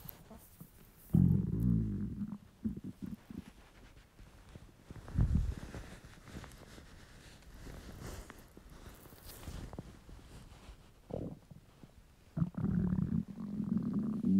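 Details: Male's hungry, empty stomach: loud low gurgling rumbles in bursts with quieter bubbling between; borborygmi, normal bowel sounds.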